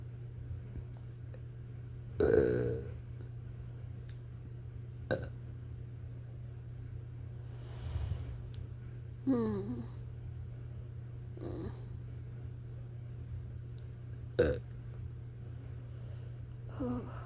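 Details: Nauseous after eating a giant portion of fettuccine alfredo in about three minutes: quiet, scattered short belches and throaty gulps over a steady low hum; a run of small burps.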